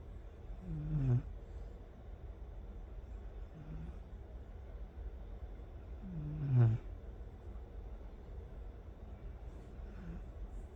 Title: The Snoring Dog🐕🐕